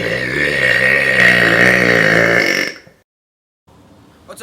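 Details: One long, loud, rumbling deliberate belch of nearly three seconds, then quiet, during a burping challenge.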